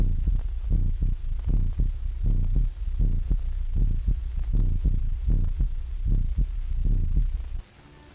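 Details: Deep, regular thumping heartbeat at about 78 beats a minute with a steady hum, amplified through an electrical stethoscope for a whole room of listeners, in a 1929 animated film.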